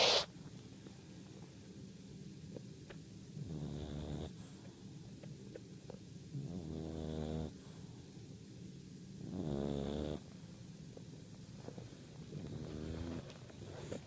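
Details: Bulldog puppy snoring: slow, repeated rattling snores on the in-breath, about four in fourteen seconds, with quiet pauses between; noisy sleep breathing.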